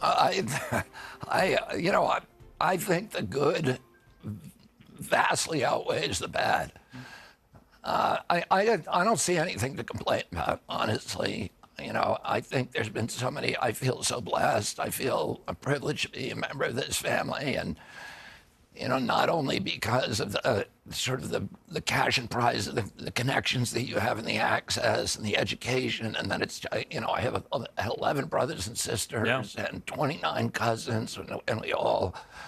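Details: Adult man with spasmodic dysphonia: he reports a very strong voice until age 42, then a neurological disorder he calls spasmodic dystonia, caused by an injury in 1996, affecting his voice.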